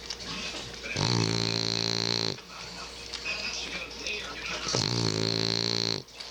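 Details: A French Bulldog snoring loudly in the dark: loud, buzzy, vibrating snorting breaths, two long bursts in six seconds.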